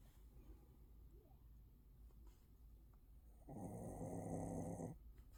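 Quiet breathing in a room, then one long loud rumbling snore from a sleeping dog.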